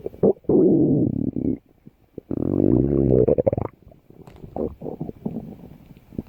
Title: Stomach growling